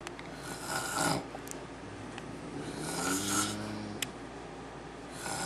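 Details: Adult man (father) snoring during sleep: loud rattling breaths with a low fluttering drone on inhalation, about one cycle every few seconds.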